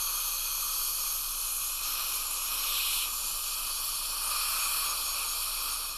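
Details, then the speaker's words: High-speed dental handpiece lightly cutting enamel on a patient's lower premolars, canines and lateral incisor for veneers, joining 0.5 mm depth cuts with a sweeping brushing motion; steady high-pitched hissing whine with water spray. "kind of a sweeping brush brush motion on this bird rather than a heavy cutting motion taking just a little bit of an enamel at a time"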